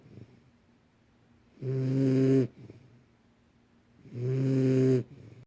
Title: My Snoring 2 month old "Shadow"